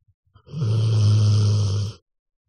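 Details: A single loud, deep, rattling snore lasting about one and a half seconds, then silence.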